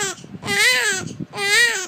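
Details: Infant crying: loud, drawn-out wails with brief catching breaths between them; a typical vigorous baby cry.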